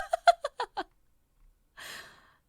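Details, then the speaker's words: Female streamer with persistent hiccups during a live stream (she had eaten rice cake that morning): five quick, clipped voiced catches in rapid succession, then a soft breathy exhale. "아니 딸꾹질이 미쳤어. 이거 딸꾹질 너무 쩔어가지고."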